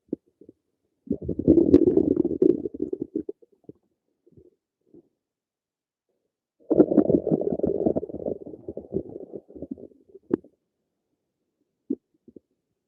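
Two long bursts of rough, bubbling rumbling with brief gurgles between: ordinary stomach rumbling.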